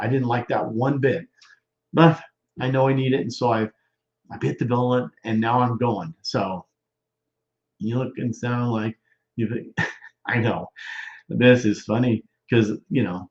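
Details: Male stroke survivor more than 13 years post-stroke with non-fluent aphasia; expressive (Broca's) aphasia.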